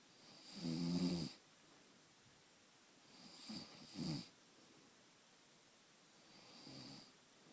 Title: Surveillance of the snore